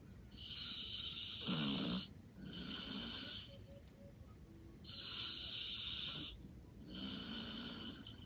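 Hissing, buzzy snores on breaths in and out, a cycle roughly every four seconds, about 14 a minute: light snoring.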